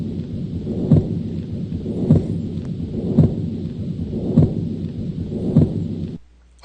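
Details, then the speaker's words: Patent ductus arteriosus murmur, teaching example: continuous rumbling machine-like murmur through systole and diastole, regular beats near 50 a minute. "This causes a continuous murmur, meaning it's present in cy and diastily. And the murmur is classically described as a machine-like murmur."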